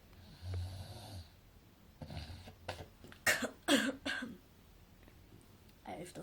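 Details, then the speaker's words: Sleeper snoring then choking on saliva: a low snore followed by sharp wet choking and coughing bursts. "hola amigos que alguna persona esto al fútbol hasta fin o se ahogan con su saliva"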